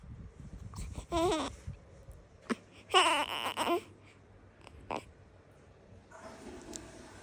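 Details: Newborn girl making hungry sounds: short, fussy cries and grunts separated by pauses, with small mouth sounds between them; hunger cry.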